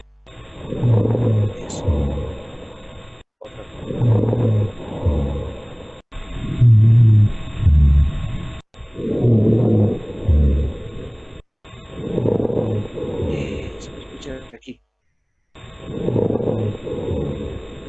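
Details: Simulated lung sounds in a teaching practice: regular breaths about 20 per minute with low rumbling rhonchi and crackles on each breath; crackles and rhonchi of heart failure congestion.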